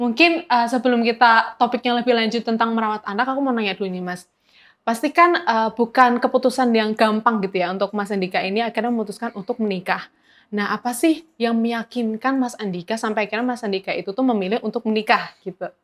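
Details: Adult woman; typical speech.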